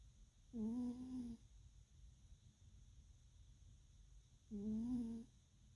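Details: Gentle snoring in a sleeping cat, with ear twitching: two soft, tuneful, humming snores about four seconds apart in a quiet room.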